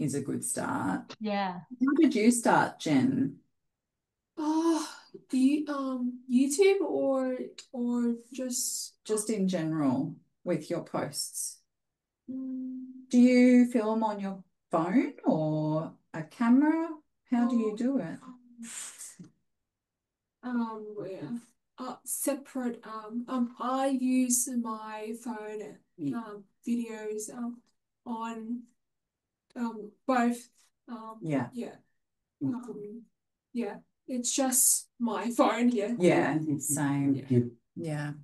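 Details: Aphasia following a stroke six years earlier, with six months in hospital afterward; he reports difficulty speaking and has not read anything in six years.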